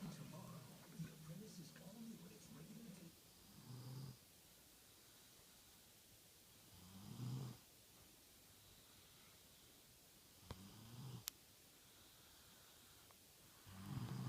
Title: snoring!